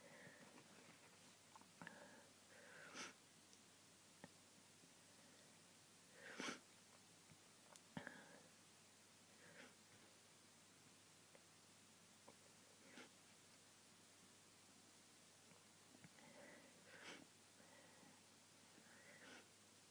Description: Fits and stifles from hayfever today. Sooo much sneezing!